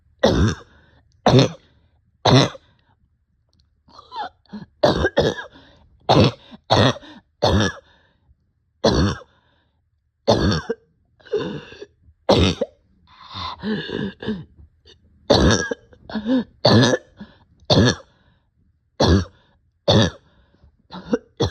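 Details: Adult short of breath with barking cough, coughing repeatedly in harsh, barking bursts, some followed by throat clearing.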